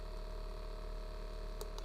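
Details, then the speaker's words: Steady fast buzzing hum with rapid, even pulsing from a quiet handheld percussion massage device cycled through levels one to three (1500–2400); percussion massager running. "comparing here level one two three"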